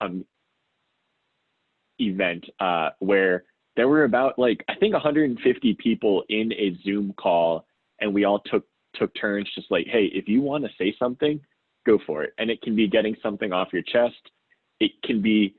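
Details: Self-identified person who stutters; the speaker says listeners can hear the stuttering in their pauses and repetitions. Finding: stuttering.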